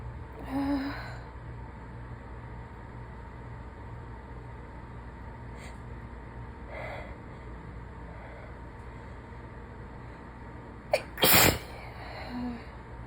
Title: Super strong, SERIOUSLY messy sick sneezes